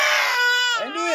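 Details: Baby boy crying after seeing his reflection in a laptop: brief, loud, high-pitched cry that rises and then breaks, a baby crying hard.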